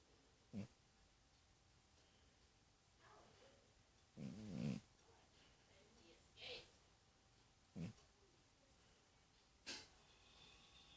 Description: Geriatric 19 year-old cat snoring and having a vivid dream.